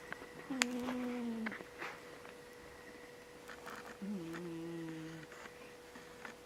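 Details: Snoring from a sleeping pet cat.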